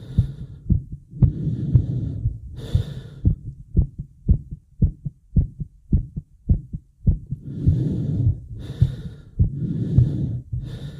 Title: My heavy breathing and heartbeat